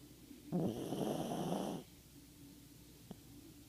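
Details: Ziggy fast asleep: one loud, rasping snore over a second on a breath in, then quiet breathing; snoring.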